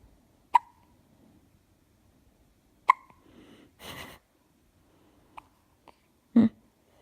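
Several sharp, abrupt hiccup sounds at irregular intervals, with a brief breath noise between them; ordinary hiccups.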